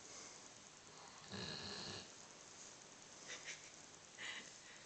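A dog snores in sleep: one long rough breath followed by shorter snuffling breaths against a steady background hiss.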